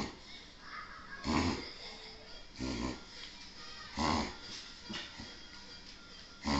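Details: Dog having an unusually long reverse sneezing episode: repeated loud, harsh snorting pulls of air in quick succession. The dog seemed better afterwards.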